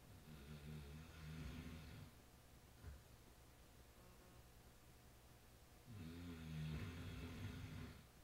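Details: Snoring, recorded Nov 12 2010: two long, rattling low snores about four seconds apart in a quiet room, with a soft breath between; ordinary snoring.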